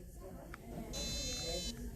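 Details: A DIAGNOdent caries detector gives a steady high electronic tone rising for under a second against room noise, during an occlusal tooth reading taken with a rocking pendulum motion (highest reading 10); Diagnodent reading tone.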